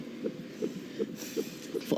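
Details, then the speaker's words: Doppler fetal heartbeat in a TV drama scene, where the mother hasn't felt the baby move for a day and a half: rapid, regular whooshing beats at about 160 a minute, a normal fetal heartbeat. "Let me show you baby's heartbeat. That should reassure you. If we have a listen down here, that's baby's heartbeat. So, we know he's alive."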